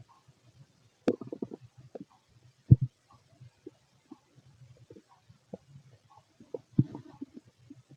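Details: Fit adult male's stomach noise; low gurgling bubbles and rumbles, ordinary bowel sounds, borborygmi.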